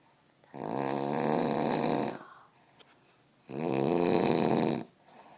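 Two long, loud, rattling snores on inhaled breaths, separated by quiet exhalation pauses.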